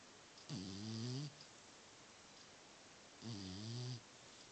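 Two slow, low rattling snores on the in-breath, a few seconds apart, over quiet room hiss. Ordinary snoring.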